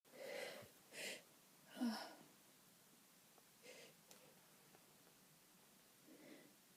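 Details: Sneezing from a person with itchy-nose allergy, nose itchy all day, relieved to finally sneeze.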